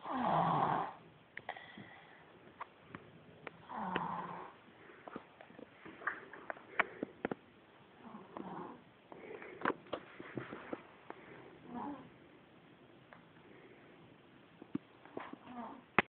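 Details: A baby: soft, rough breathing noises recur every few seconds among small clicks and rustles; light snoring.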